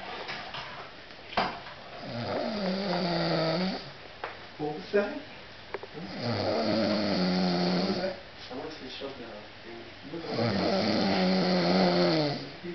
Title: Deadliest Snore 1